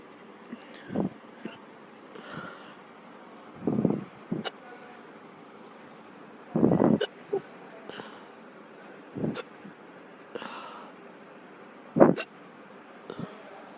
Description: These hiccups are from earlier today, hope you enjoy. Xx